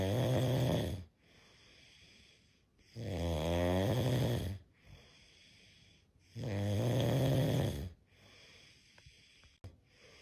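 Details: Snoring from a sleeping cat: three long, low, buzzing snores, one per breath at about 17 a minute, with quiet pauses between.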